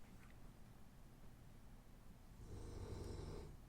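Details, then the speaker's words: Snoring heard in the background of a podcast recording, from someone about seven feet away from the microphone, in a closet. "you hear that snoring he's actually about seven feet away from me in the closet"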